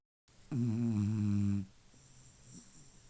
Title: Calvin the snoring dog